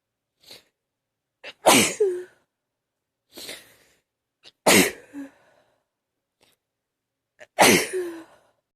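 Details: Three forceful sneezes in quick succession, each preceded by a short in-breath; a bout of sneezing.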